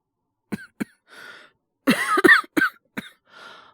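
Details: Simulated, acted cough by a male voice actor playing a work colleague whose late-summer cold cough is subsiding: a few short coughs with throat clearing and breaths. A mild, settling cold cough.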